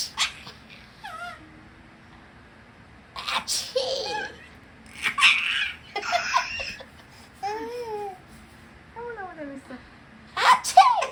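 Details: Adult imitating sneezes in front of a baby: short sneeze-like bursts, each followed by the baby's delighted squeals and giggles; sneezes not real.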